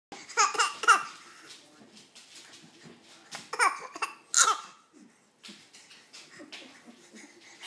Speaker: What's going on over there, Bubby? Because I'm coughing.